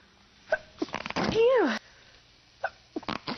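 A few short catching breaths lead into one loud, voiced sneeze with a falling 'ah-choo' sound, followed by quiet and faint rustling: a single sneeze.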